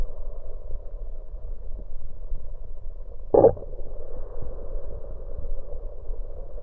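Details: Bowel sounds recorded over the stomach with an electronic USB stethoscope after drinking cola: steady stethoscope hiss and low rumble with one brief, loud gurgling burst midway.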